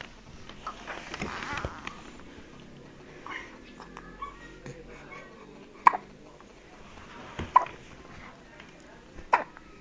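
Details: Three brief, sharp infant hiccups over about ten seconds, with quiet room noise between.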